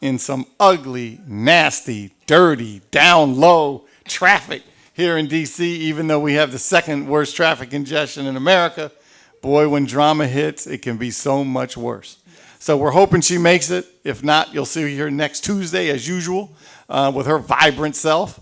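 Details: Adult man speaking; ordinary speech.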